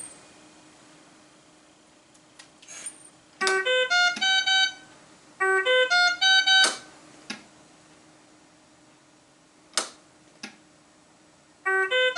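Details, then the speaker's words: Ventilator (Puritan Bennett 840 or Servo-u) high-priority high peak pressure alarm, meaning volume cannot be delivered to the patient; repeated bursts of rapid rising and falling electronic tones in a quiet room. "here is what a high priority alarm is going to sound"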